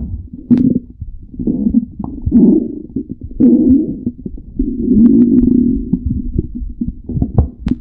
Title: Stomach growling tribute